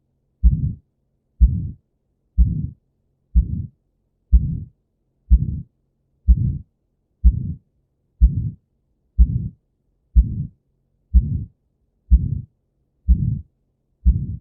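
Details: Aortic stenosis: regular heartbeat at about 62 per minute, each beat followed by a harsh, rumbling systolic murmur.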